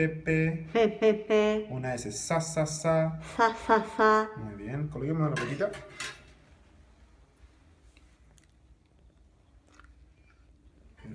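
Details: Velopharyngeal insufficiency speech in an oncological patient treated non-surgically with a palatal prosthesis.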